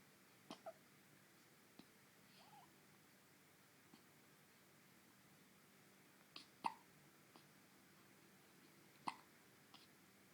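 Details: Faint, brief, sharp catches repeating irregularly in a quiet room, several over ten seconds; hiccups.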